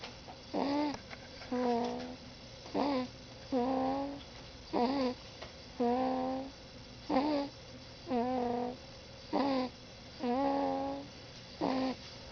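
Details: 5-week-old baby boy sleeping on parent's chest, squeaky tonal snoring with each breath, about 27 breaths a minute; infant snoring.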